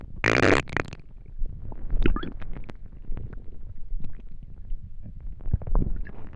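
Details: Low gurgling and rumbling borborygmi from an empty stomach after not eating for a day, with a brief rustle at the start; hunger stomach noises.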